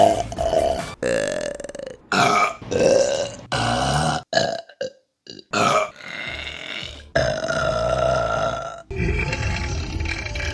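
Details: Burp compilation from March 2022: about eight loud, deep, drawn-out burps in quick succession with brief gaps, over background music.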